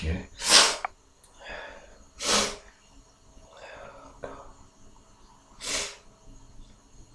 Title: Horny hangover sneezes